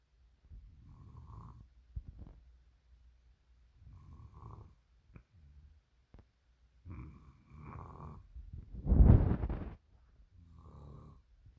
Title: when snoring overruled a chicken 🐔 Nuggets